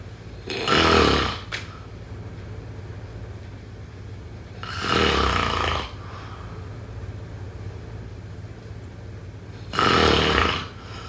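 Three loud, rough snores about five seconds apart, roughly 12 a minute, with steady room hum between them: ordinary sleep snoring.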